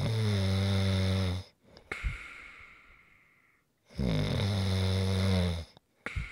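Two long, loud, buzzing snores on the in-breath, each followed by a softer, airy out-breath: typical snoring.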